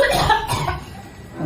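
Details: Acted cough in a comedy skit about an adult who caught a cough after playing in the rain: a few short, loud cough bursts.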